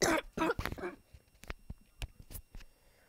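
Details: From someone sick at the time of recording: a couple of harsh coughs, then soft, rapid throat-clearing and laughing breaths in a quiet room.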